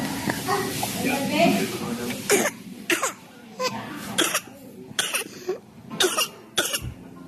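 An infant gives a run of short, harsh coughs in quick succession, typical of a whooping cough spell.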